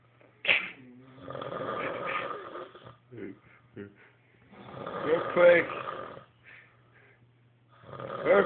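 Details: Snoring recorded on an Android phone; rough, rattling, irregular snores with noisy breathing at roughly 20 a minute in a quiet room; snoring.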